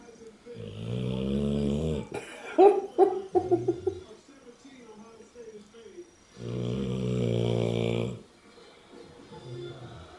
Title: March Madness 2013 Charlie Snoring!